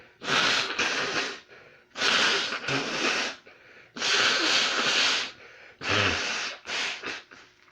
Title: EXPLOSIVE AND SICKENING SNEEZING THAT JUST WON'T GIVE UP (w/heavy nose blowing)!!!!!